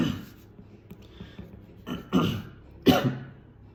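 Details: Person with Tourette syndrome producing a throat clearing vocal (phonic) tic, which people mistake for Covid: throat clearing tic.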